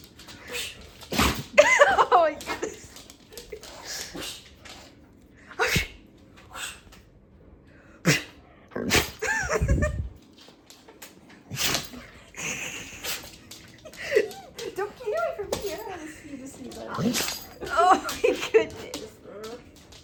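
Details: A pet dog sneezes nonstop in a long run of short, sharp bursts with brief pauses between: repeated sneezing.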